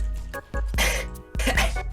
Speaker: there's no way bro clipping a sneeze it's loud